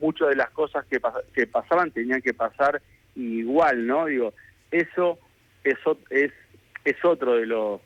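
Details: Adult man with stuttering since childhood that persists, improved over the past two years, and for which he consults professionals, speaking in a live Spanish radio interview; stuttering.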